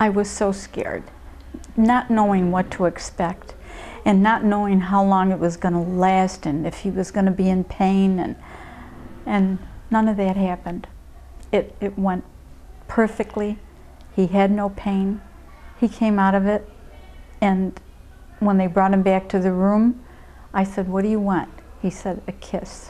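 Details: Adult woman speaking; normal speech.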